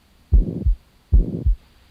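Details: Heart murmur heard on chest auscultation, with breathing instructions and a left-side roll during the exam: two heartbeats with a continuous rushing sound filling the gap between the first and second heart sounds.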